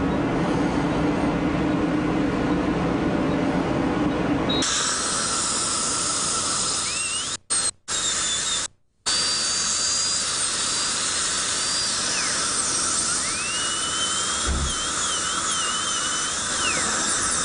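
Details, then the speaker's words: High-pitched dental drill whine, starting, stopping and shifting pitch under load, shortening a too-long front tooth and evening adjacent teeth during cosmetic crown preparation; dental drill. "On our initial workup on the case, we felt like this one crown was a little too long. So we're going to take this down a little bit and even these two out."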